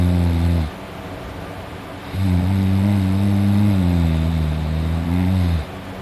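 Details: Self-recorded heavy snoring while asleep at night, with drooling: deep, loud, rumbling snores, two long ones in six seconds with quiet gaps between them.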